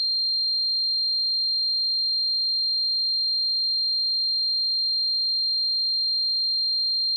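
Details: Simulated tinnitus sound effect: a steady, unbroken high-pitched tone throughout, imitating the constant ringing of tinnitus.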